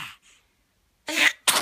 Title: Linlin - Sneezing